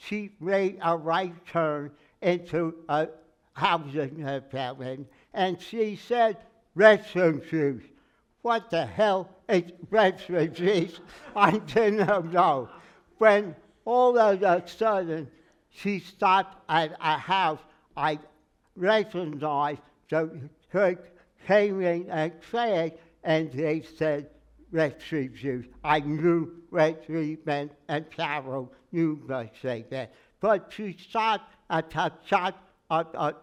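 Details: Aphasia after stroke in a man who says he can never get more than 80% of his speech out, working with a speech therapist and an aphasia group; word-finding errors and garbled phrases.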